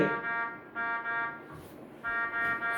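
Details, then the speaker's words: SiriusMed R50 ventilator (neonatal/pediatric/adult): repeating tonal alarm chime in bursts, low FiO2 system alarm because the lower limit is set at 35% while 21% is delivered; ventilator alarm. "Phi O2 bajo. Es una alarma de sistema. Vamos a verificar las alarmas."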